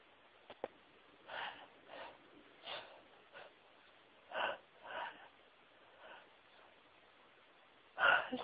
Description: Sneezes that drove me mad, teasing me. They would build up for what seemed like ages and I'd just need to sneeze so badly.